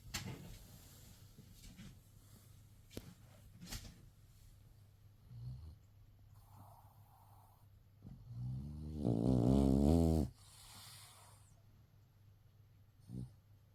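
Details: Rescue dog sleeping with its tongue out gives faint snorts, then one loud rattling voiced snore near the end, in a quiet room; snoring.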